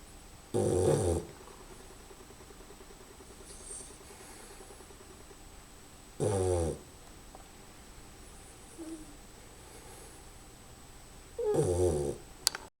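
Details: Snoring: three loud rattling snores spaced several seconds apart over quiet room noise, with soft breaths between.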